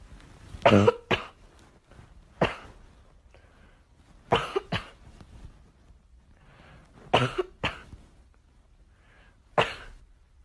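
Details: A dog sneezing: short, sharp bursts of air in small clusters, about six to eight in all, in a quiet room.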